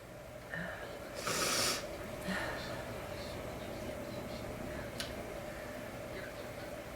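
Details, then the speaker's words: Person with a horrible head cold and stuffy nose, deliberately trying to make themselves sneeze: a short sharp sneeze burst, then a weaker second one, against steady room hum. "I'm gonna try to make myself sneeze. Maybe it'll help. And get rid of some of it."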